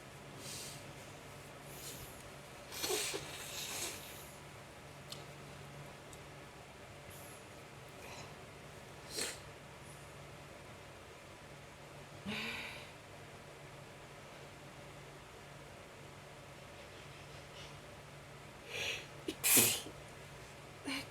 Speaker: can't stop sneezing. Bless me. Oh my God. Oh Lord.